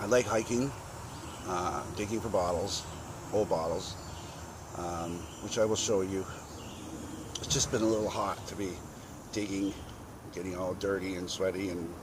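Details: 52-year-old man with a very bad stutter present since childhood, also has chronic cluster migraine headaches and a son who stammers; stuttering.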